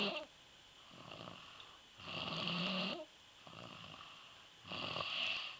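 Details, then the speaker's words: A sleeping young stepson who will not wake when called, after a night of fireworks, gives rhythmic rasping snores at about 20 breaths a minute, with softer sounds between: snoring. "That boy's sawing some logs. Hey. That boy don't want to wake up."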